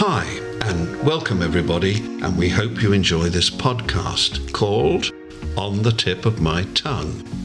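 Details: Adult male speaker; normal speech.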